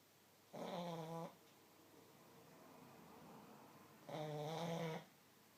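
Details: Pug napping on the back of a sofa, snoring: two long, buzzing, rattly snores with a quiet pause between, in sleep.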